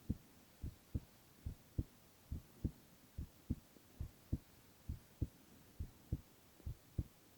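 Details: Silent ASMR recording of a male's continuous heart sounds: clear, regular lub-dub at about 70 beats a minute in a quiet room; normal heart sounds.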